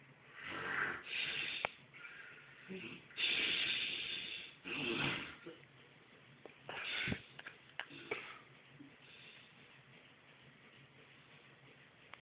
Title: The Snoring Beast